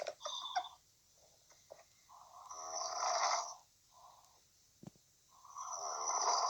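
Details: Woman who fell fast asleep during a phone call: irregular breathy, fluttering snores with a snort, a few breaths a minute, likened to a ship's sound; snoring.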